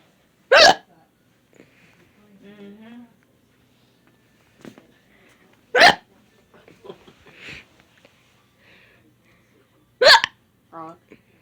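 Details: Three sharp, abrupt hiccups about five seconds apart, with quiet talk and small sounds between them; repeated hiccups.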